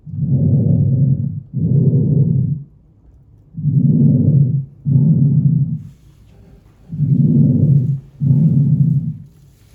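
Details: Soft, low rushing breaths through a stethoscope on the back, about 18 a minute, no added sounds; normal breath sounds on posterior lung auscultation.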